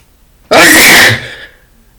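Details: Male with a cold, runny nose and itchy eyes sneezing: one loud, explosive sneeze with a sharp hissing burst that fades quickly into quiet.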